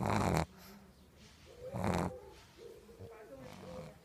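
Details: Pug snoring: loud snorting inhalations followed by whistling, squeaky breaths out, with noisy airflow typical of a flat-faced dog.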